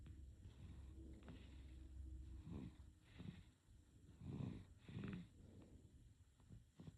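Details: Sleeping baby with soft snorting, noisy breaths repeating; infant snoring.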